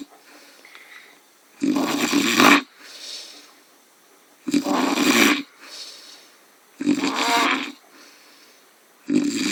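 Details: Adult man snoring after drinking too much alcohol: loud, harsh, rattling snores on each in-breath, about 22 a minute, with softer out-breaths between.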